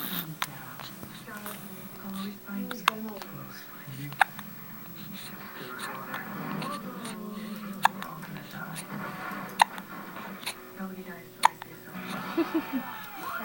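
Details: Hiccups: sharp, brief hiccup clicks recurring every 1.5 to 3 seconds, about six in all, over soft indoor background sounds; hiccups.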